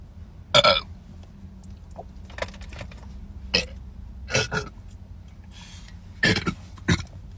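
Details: Person drinking Sprite while trying not to burp: several short bursts, some like small burps or gulps, over a steady background hum; burping.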